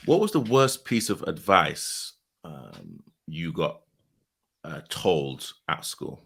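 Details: Adult man speaking; ordinary speech.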